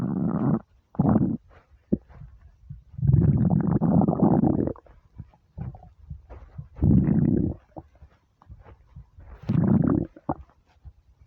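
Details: Hunger stomach rumbles when starving: repeated loud, low, drawn-out growling rumbles lasting a second or more, with small gurgles between; borborygmi.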